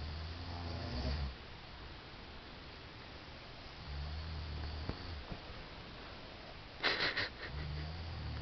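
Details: Two sleepers, a person and Spike, snoring loudly together: low rumbling snores at regular intervals, about three in eight seconds, with brief sniff between; ordinary snoring.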